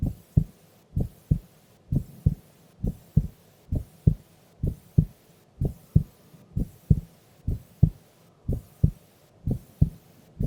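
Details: Sleeping female's heartbeat recorded during an afternoon nap: regular soft double beats at about 63 per minute, steady and unhurried; normal resting heart sounds.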